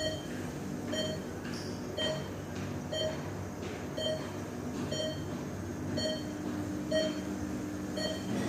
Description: patient monitor sound effects free - efek suara pasien monitor icu (noise)